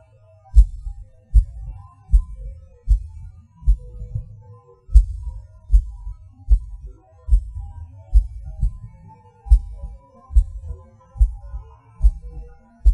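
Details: Self-recorded heartbeat with PVC/PAC premature beats, felt as a sudden rush or falling: a low thudding beat at about 76 a minute with early beats and pauses, and faint music in the background.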